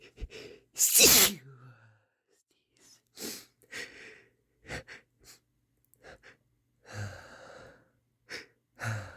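One loud, forceful sneeze followed by a series of sniffs and snuffling breaths; a strong sneeze with a congested nose.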